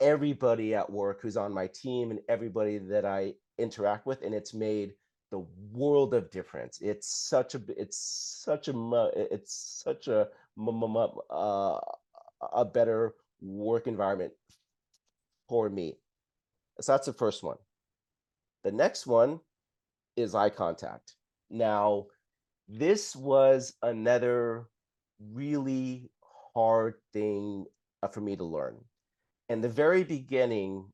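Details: Adult woman who identifies as a person who stutters; stuttering.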